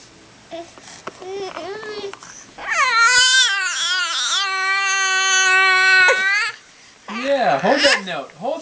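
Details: Infant "singing" on Halloween: sustained, wavering high-pitched vocal sounds in a small room, more singing-like than distressed crying, with an adult encouraging him to hold the note; infant vocalizing.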